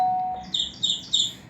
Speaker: I can cancel the call by pressing the cancel button.